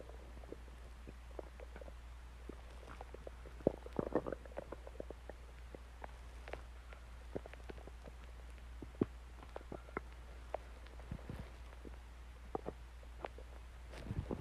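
Soft scattered clicks and gurgles over a steady low hum; quiet stomach growling as gas and fluid move through the bowel.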